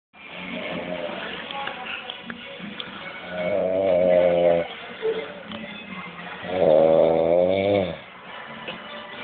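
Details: Adult man snoring: two loud, buzzing snores on the in-breath about three seconds apart, over steady background noise.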